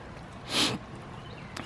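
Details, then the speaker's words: Sick dog with earlier nosebleeds, partly eased by steroids, lying down and struggling to breathe when petting stops, shortly before euthanasia; one short, harsh, airy snorting cough against faint background noise. "as soon as you stop she has problems she can't breathe he's coughing"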